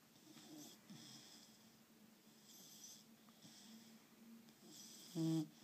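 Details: Quiet, rhythmic, raspy breathing with a low rumble, ending in a louder tonal snort: snoring.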